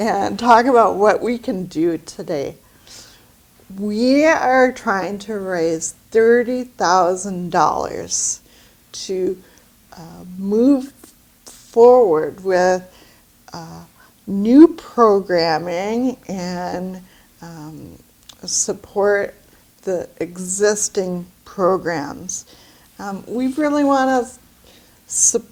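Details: Woman with aphasia after a stroke about two years earlier, who reports great difficulty finding words and pronouncing them correctly; aphasia after stroke.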